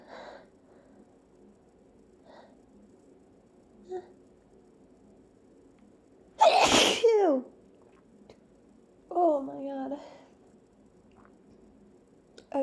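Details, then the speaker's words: Person with a persistent urge to sneeze, still feeling tickles after earlier sneezes: soft breaths build up, then one loud, explosive sneeze followed by a brief voiced exclamation, in a quiet room. "it's almost like these sneezes aren't helping because i still feel like i have to see oh my god well i still have to sneeze"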